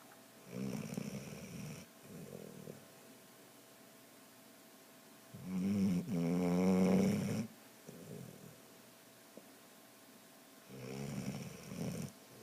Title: Snoring dog